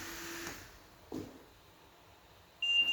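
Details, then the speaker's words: Trilogy 202 ventilator: quiet room hum, a soft click, then a short high-pitched electronic keypad beep while locking or unlocking the settings menu; ventilator keypad beep. "มีเสียงปิ๊บๆแล้วอ่ะ"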